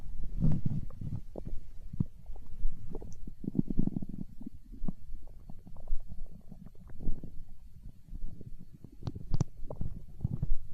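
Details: Hunger stomach growl recorded for ASMR: low, irregular gurgling and rumbling from the belly; ordinary borborygmi.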